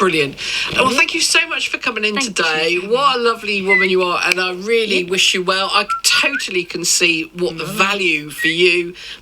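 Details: Adult radio host; Normal speech.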